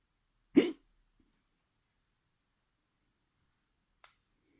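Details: One sharp, abrupt voiced hiccup, then quiet with a faint click later; a single hiccup during self-experimentation with hiccups.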